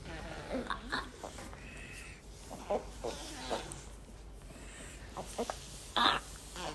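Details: Toddler girl born with Pfeiffer syndrome (craniosynostosis), with a tracheostomy, making sounds over her trach while her mother talks to her; vocalization through a tracheostomy.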